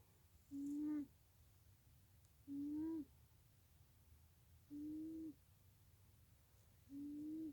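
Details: Sleeping cat snoring: soft tonal hooting snores, four in about seven seconds, each roughly half a second long, in a quiet room.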